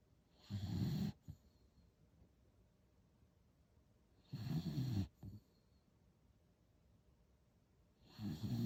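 Steady rattling snores on the in-breath, about 15 a minute, with a short snort after some of them. The dog is snoring during sleep.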